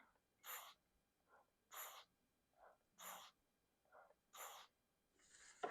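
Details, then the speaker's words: ButterflyBVM adjustable bag valve mask with an infant mask ventilating a baby doll, a demonstration with the rate and volume capped by the device: rhythmic whooshing puffs, about four squeezes with softer exhaust sounds between. "I'm going to place the mask over the baby's mouth and nose, and let's try it."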